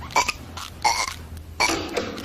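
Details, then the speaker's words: Several loud, croaky belches over a steady low hum in a burping contest from a broadcast show; burping. "Bart are you burping again maybe what is it with this burping Why what's the thrill it's fun it's crude that's what I said it's fun I'm still the burp champion of the world"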